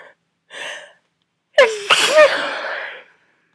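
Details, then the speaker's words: Sneeze during a cold causing uncontrollable, very messy sneezes recurring about every two hours for a week; short in-breath, then a sudden loud explosive sneeze with a long, wet, spraying tail. "These are are easily some of some of the messiest sneezes I've I've ever had ever had. I feel one coming."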